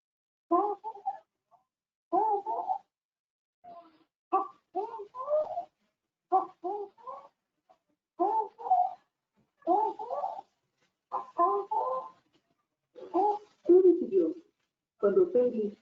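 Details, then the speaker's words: Young girl breathing: a harsh, coarse noise with each inspiration, judged as stridor in an IMCI childhood illness teaching example; inspiratory stridor. "inspiraba, escuchamos un ruido áspero. Por lo tanto, decidimos que tiene ruido."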